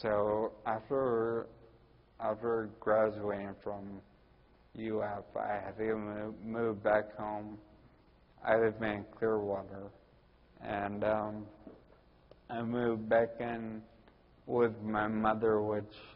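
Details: Ataxic dysarthria in a 41-year-old man with Friedreich's ataxia, which also causes balance problems and walking difficulty.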